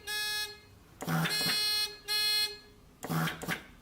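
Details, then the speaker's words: Weinmann Medumat Standard A emergency ventilator function check, test bag disconnected, patient valve closed by hand, frequency 30, minute volume 3: loud repeating electronic alarm bursts with mechanical breathing cycles; stenosis (obstruction) alarm, also shown on LEDs. "i need to hear a stenosis alarm which obviously i am hearing and it's also visible via the leds so this is how i close the patient valve"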